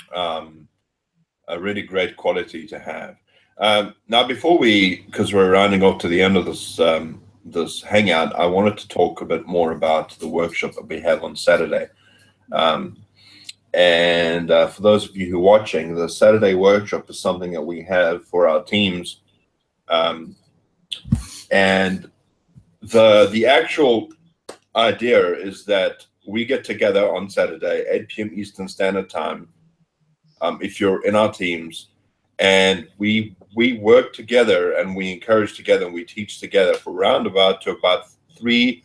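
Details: Adult male speaker; normal speech.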